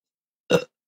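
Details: A single short, loud, throaty burp rising out of silence, from a Korean streamer; burp.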